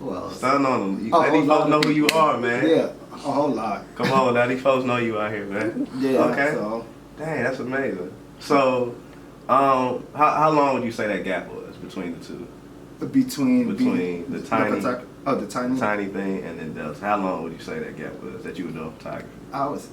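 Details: Adult male speech, casual conversation; no disorder (ordinary conversational speech).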